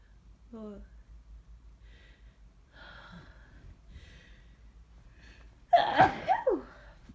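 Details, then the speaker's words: Sneezing with a suspected cold or flu, with body aches, sore throat and headache, repeated all morning: several quiet catching breaths, then one forceful sneeze. "I've been sneezing like this all morning. I don't know. What's wrong with me?"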